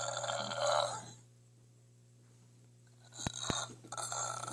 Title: Me burping #2